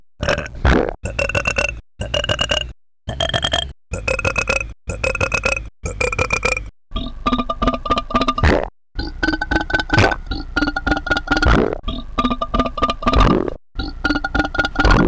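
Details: Long run of about fourteen loud, deep, voiced belches in quick succession from an experimental ambient music promo track built on burping: repeated burping.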